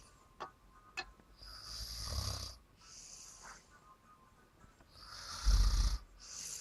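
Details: Loud, rough, low rattling snores on the in-breath with hissing out-breaths between them; snoring.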